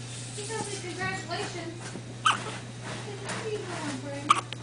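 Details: Dog with hiccups lasting about 10 minutes after being fed: two sharp hiccup jerks, with people talking and a steady hum behind; harmless hiccups after eating.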